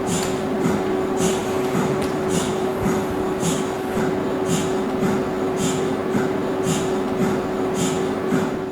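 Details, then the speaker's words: Running MRI scanner heard while approaching the scanning room; the scanner is described as new: steady low hum with regular loud clunking, knocking pulses about 54 a minute from vibrating coils, a normal sound. "Inside the room, as you approach the MRI scanning room, you will notice a loud clunking noise."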